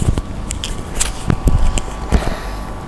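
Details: Neck adjustment in a mother of three with back problems: a quick series of short, crisp pops, which is joint cavitation.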